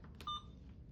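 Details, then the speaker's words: IV infusion pump set to 100 mL/h of 0.9% normal saline, 950 mL to infuse, in a nurse's IV insertion demonstration for dehydration: a single short electronic beep over quiet room noise as the pump starts running. "Then I can hear it starting to run."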